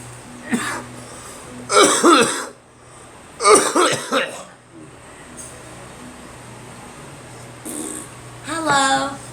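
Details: A few short, loose coughs and a throat clear from an adult with a cold, over a steady low room hum.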